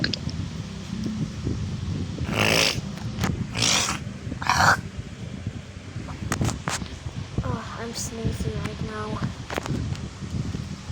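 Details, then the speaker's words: Human sneeze heard while speaking; the speaker says they are sneezing and not feeling well. "Today I'm actually sneezing right now. So yeah, you can hear me sneeze."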